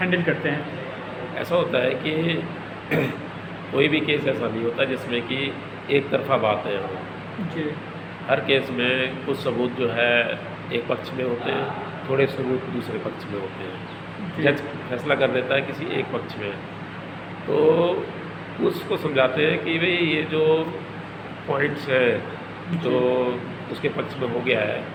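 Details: Adult man speaking Hindi; fluent speech.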